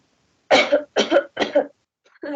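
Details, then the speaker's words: Voluntary cough during a physical examination (semiology class auscultation demonstration): patient asked to cough while the examiner auscultates; three short, sharp coughs in quick succession, with no wet or rattling quality evident. "una vez que le pido a mi paciente que hable le voy a pedir a mi paciente que tosa yo voy a realizar la ocultación"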